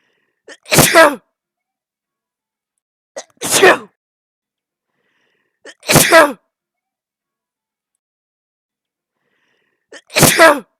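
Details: Bout of repeated sneezing, presented jokingly as a curse: four forceful sneezes, each with a brief catch of breath before the burst, about every two and a half seconds.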